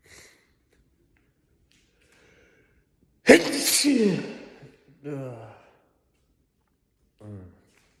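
A quick inward breath, then one loud explosive sneeze, followed by short voiced exhalations; a single sneeze.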